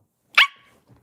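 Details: A single sudden, loud, bark-like vocal burst breaking the silence: a vocal tic in a girl with Tourette syndrome, recorded during a casual late-night livestream while she chats with viewers.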